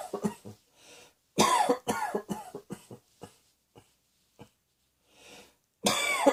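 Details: A persistent cough in a person who has been coughing over many recordings: repeated runs of dry, hacking coughs, about a dozen in quick series, with quiet breaths between them.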